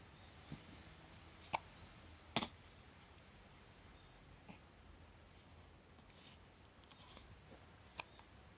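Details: Small, abrupt hiccup sounds at irregular intervals, about five in eight seconds, over quiet room noise; hiccups in a newborn baby.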